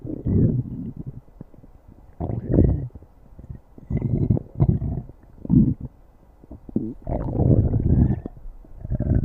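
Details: Stomach growling (borborygmi).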